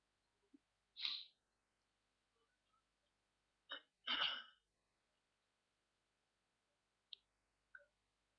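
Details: A person on holiday in the snow trying to make themselves sneeze, with little success: a couple of sharp, hissing sneeze bursts in a quiet room, with small catches between them.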